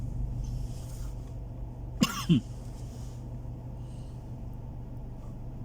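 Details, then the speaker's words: Two short, harsh coughs in quick succession from a man practising the call to prayer in a high voice while riding in a car; coughing attributed to his naturally low voice, over the car's low rumble. "dijamin batuk-batuk kalau yang suaranya rendah seperti saya ini"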